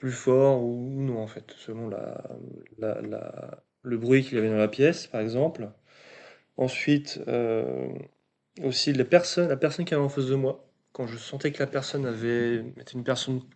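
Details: 22-year-old man who has stuttered since early childhood, which was marked by a slight speech delay; stuttering.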